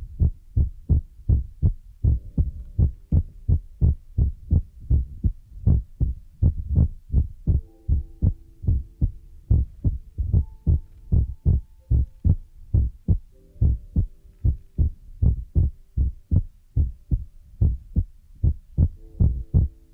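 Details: Heartbeat sound used as an ASMR relaxation trigger: repeated dull, low heartbeat thumps under faint steady tones, somewhat uneven in spacing.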